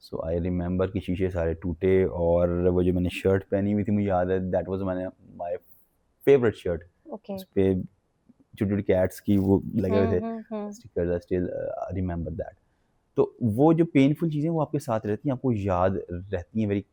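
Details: Adult man with developmental stuttering (stammering) that began in childhood.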